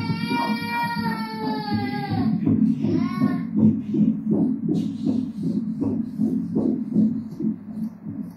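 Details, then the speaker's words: Normal fetal heartbeat on obstetric ultrasound at 16 weeks of gestation, fourth pregnancy, cephalic fetus: after a brief tone, rapid regular whooshing pulses with heart rate measured at 162 beats per minute. "tha khawp mai! Heart rate hi za leh... minute khatah 162 beats a ni a,"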